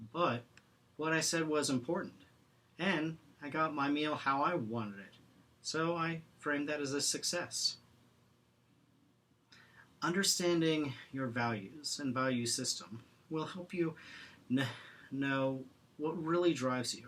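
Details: Stuttering in a man who stutters and is using Acceptance and Commitment Therapy, with pauses and blocks between words.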